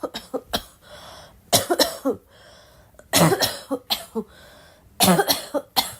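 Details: Girl coughing: repeated bouts of harsh coughing, about a dozen coughs in clusters, with short breathy gasps between bouts.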